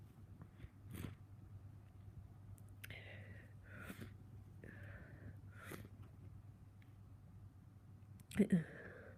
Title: Soooo congested - big sniffs and some sneezes